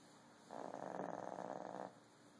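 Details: Little pug, a small flat-faced dog, snoring: a single rapid fluttering snore of about a second and a half on one breath, then quiet.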